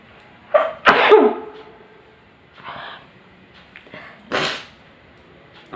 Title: Sneezing challenge